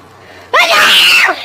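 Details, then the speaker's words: Man sneezing during a stream, audio possibly altered by voice changers: one loud, drawn-out sneeze with a rising intake and a forceful burst in a quiet room. "i hold up let me just sneeze real fast all right i'm good"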